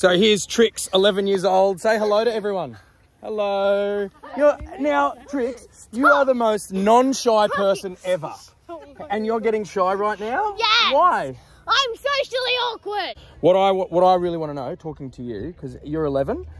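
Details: Adult speaker in conversation with a child; typical speech.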